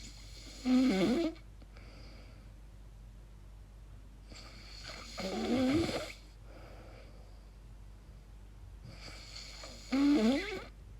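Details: A person records their own sleep and wonders if it is snoring or sleep apnea: three rough, fluttering snores on breathing in, about 13 a minute, with quiet breathing between them.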